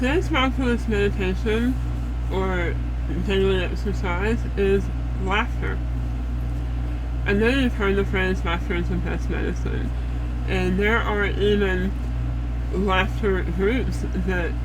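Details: Adult woman after stage 4 head and neck cancer that nearly killed her, left scarred and disfigured, on a feeding tube, with about four strokes: voice and speech changes after head and neck cancer.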